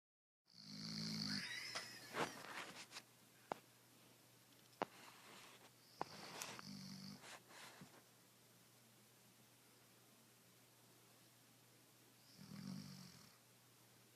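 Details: A resting female Doberman gives a few snorting snores with whistly nasal breath, clicks and shuffles between them: snoring.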